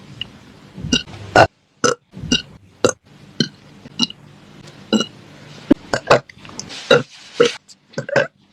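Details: Female singer burping during livestreams, compilation: a run of about a dozen short, voiced belches with brief pauses between them; repeated burping.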